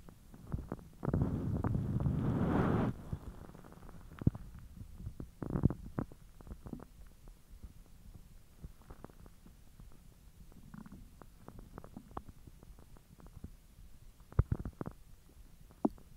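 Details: Bowel sounds recorded after eating hotdogs following 10 hours with a completely empty stomach: a long gurgling rumble followed by scattered pops and gurgles of digestion.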